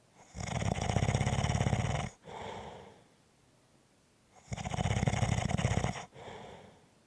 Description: This is a 5 1/2 minute clip of snoring.